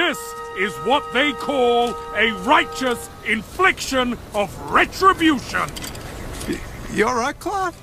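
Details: Adult male, acted; normal speech.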